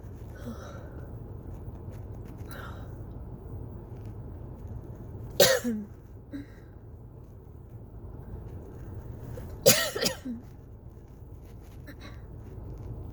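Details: Self-recorded cough-variant asthma attack: two sharp coughs several seconds apart over a low room hum, with the cough not stopping and the person lightheaded by the end.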